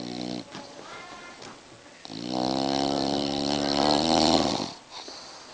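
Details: Real (not faked) snoring from a sleeping bulldog: loud, rattling, buzzy, long drawn-out breaths with vibration.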